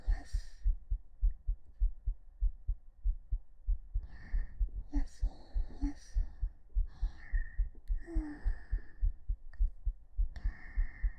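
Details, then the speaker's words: Steady soft heartbeats at about 100 a minute, noted as slightly fast, recorded with a 3Dio binaural microphone during a hug, with rustling and faint whispering; normal heart sounds. "聞こえるかな？やっぱちょっと早いかな。心臓入りました。"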